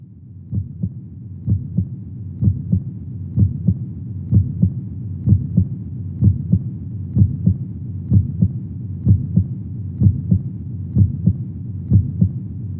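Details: Steady, soft double-thump heartbeat at about 63 beats a minute with a low background hum, played as a calming sleep aid mimicking womb sounds for babies; normal heartbeat.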